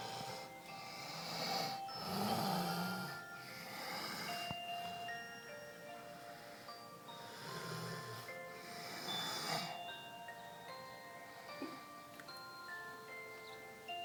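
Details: Daytime snoring during deep sleep from exhaustion: snorting, rumbling breaths, about three in the clip, under loud music with chimes.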